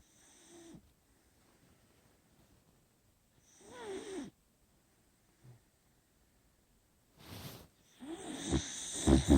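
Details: Beagle snoring: irregular snorting, whistling breaths with pauses between them, then louder rustling near the end; dog snoring.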